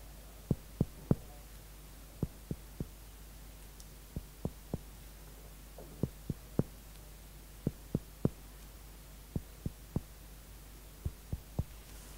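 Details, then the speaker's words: Indirect (finger-on-finger) cardiac percussion with the struck finger parallel to the expected heart border: sharp taps give a hollow resonant note over air-filled lung, turning dull on the fourth tap over the blood-filled heart, marking the heart border. "you can hear that the sound during the fourth knocking was more dull compared to resonant sound before it's a difference between the heart filled with the blood compared to lungs full of air"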